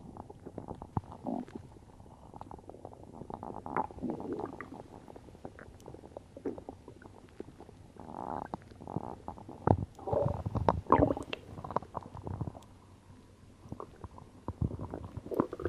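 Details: Ordinary stomach growling (borborygmi) after drinking cola: gurgling, bubbling rumbles and clicks that come and go.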